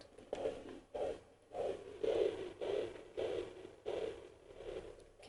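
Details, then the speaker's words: Home fetal Doppler at about 8–9 weeks of pregnancy, with rhythmic whooshing pulses at about 100 a minute heard just before the fetal heartbeat is found: placental whooshing sound. "so there we have my main whooshing placentas or sound"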